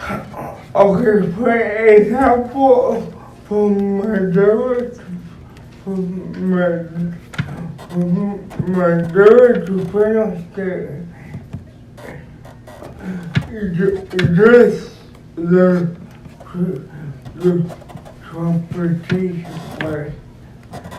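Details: Adult man described as physically challenged with a speech impediment, a wheelchair user needing a personal care assistant: dysarthric speech.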